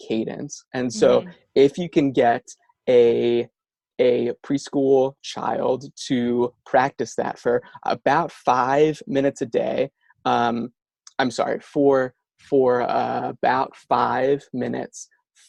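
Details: Stuttering in an adult male speech-language pathologist who says he stutters himself.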